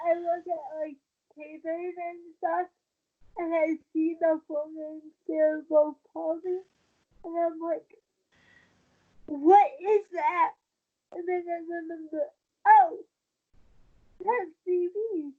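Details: Dysarthria in a 23-year-old woman with cerebral palsy since birth after premature birth at 27 weeks, a more advanced form affecting the brain's balance centre; she uses a wheelchair and links her prematurity to the stability of her speech.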